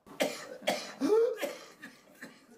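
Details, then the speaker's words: Typical paroxysmal cough of pertussis-like syndrome, as described for children under 36 months with adenovirus: a run of harsh coughs with a drawn-out rising inspiratory whoop at the end of bursts. "예, 이렇게 기침을 하다가 기침 끝에 이렇게 하는 후핑이 일어나게 되는 거죠."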